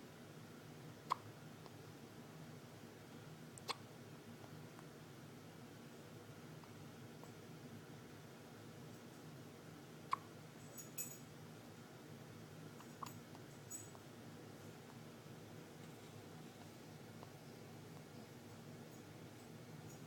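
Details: A baby's hiccups: faint, sharp, isolated catches every few seconds in a quiet room.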